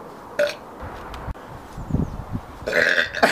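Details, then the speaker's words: Male burping: short throaty bursts of air ending in a loud belch; ordinary burping. "The Taste is disgusting I hate when boys burp around me"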